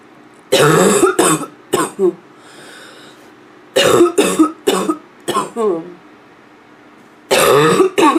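Three bursts of harsh, hoarse, barking coughs from an adult, each made of several rapid coughs.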